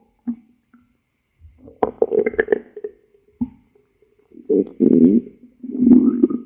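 Gurgling, rumbling stomach noises in several bursts over a few seconds: ordinary bowel sounds, a stomach growl.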